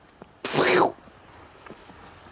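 One loud, forceful sneeze from an adult man with a common cold.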